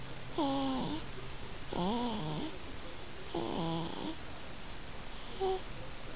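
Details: 4-month-old baby girl making awkward noises while sleeping: three rattling, squeaky breath sounds over six seconds, then a softer one, like snoring; snoring.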